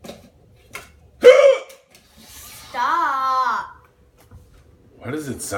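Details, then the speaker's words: Hiccups described as out of control and unusually persistent, while the person tries to hiccup with mouth closed: a sharp, abrupt voiced gulp, then a short vocal sound and another catch, in a small room. "that's the craziest hiccup ever what it's not my fault let me try to do it with my mouth closed"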